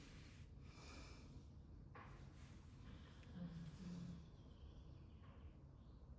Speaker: C'est mon chien vous entendez ronfler.